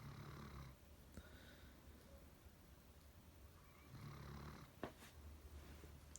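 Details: Low rumbling snores, two clear breaths in about six seconds, with a brief snort near the end: snoring.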